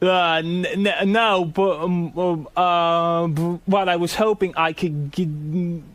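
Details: Adult male regular radio guest who stutters, described by the hosts as having a speech impediment; stuttering.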